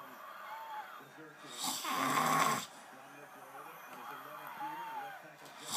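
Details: Man snoring while supposedly watching football: one loud, rough snore on an in-breath between quieter breaths; snoring.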